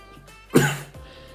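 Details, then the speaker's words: Adult with COVID, sounding croaky and struggling not to cough while speaking; cough. "or if i struggle with my words a bit just because i'm struggling trying not to cough like this um so yeah just bear with me a little bit"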